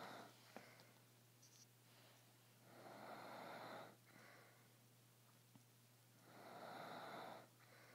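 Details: Adult father asleep while watching TV, recorded on an iPhone: soft, rough breathing noise returning about every four seconds over steady mains hum, a quiet snore with each breath, about 17 a minute; snoring.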